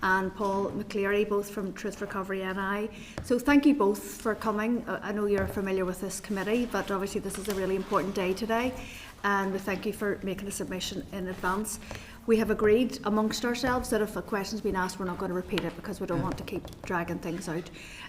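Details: Adult speaker, female voice; normal voice.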